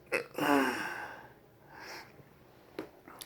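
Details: Involuntary breathing spasm recorded during a visit to a thoracic surgeon's office, August 9, 2019, in a patient with a condition that began December 2015: a sudden sharp catch, then a long strained whistling gasp, fading breath and a later brief catch.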